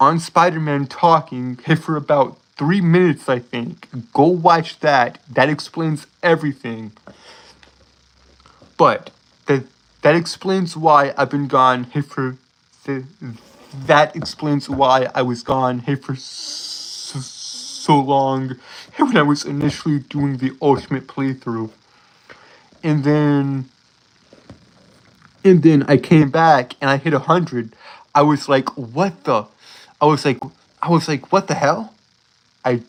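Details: Male streamer who says he has a speech impediment causing him to stutter over his words; stuttering.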